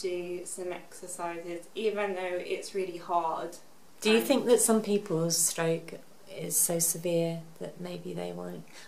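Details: Adult woman; typical speech.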